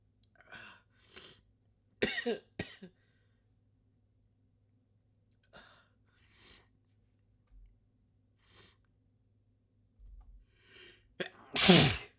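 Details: Sneezing fit with wet sniffling: several short breathy bursts and sniffs, then a loud, forceful sneeze at the end.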